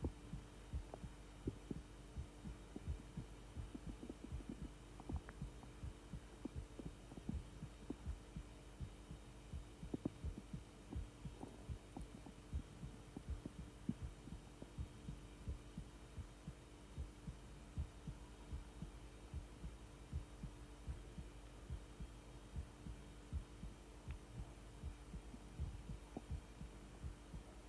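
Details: Steady low heartbeat thumps at about 82 per minute with irregular gurgling bowel sounds and a faint hum behind them, recorded together.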